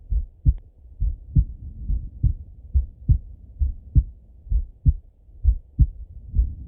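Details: Male heartbeat by stethoscope during full heart auscultation, recorded either sitting at a desk or lying in bed: regular lub-dub at about 67 beats a minute; normal heart sounds.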